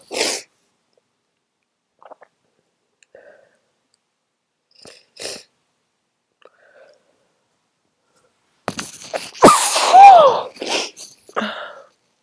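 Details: Adult's very strong, explosive sneezes: short gasping intakes, then a loud sneeze with a few smaller bursts after it, later long honking nose blowing; forceful ordinary sneezing.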